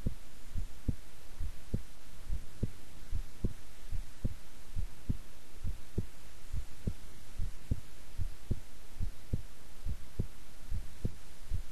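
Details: Own heartbeat recorded at length while staying still and relaxed: regular low thumps at about 70 beats a minute over a faint steady hum; normal calm resting heartbeat.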